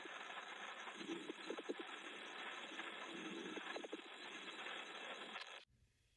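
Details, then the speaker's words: Coarse crackles on lung auscultation: steady breath noise with clusters of loud, low-pitched bubbling crackles, from air moving through secretions in the lower airways. "Coarse crackles are loud, low-pitched gurgling or bubbling sounds. Think of air moving through fluid secretions or mucus."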